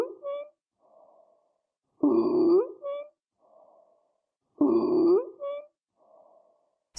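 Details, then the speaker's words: Stridor example in a respiratory assessment lecture: loud, harsh, high-pitched crowing breaths about 23 a minute from a narrowed upper airway (larynx/trachea) due to swelling or obstruction. "what causes this sound well it's occurring because there's narrowing of the linic and the trachea from swelling due to some type of infection or blocking from an object"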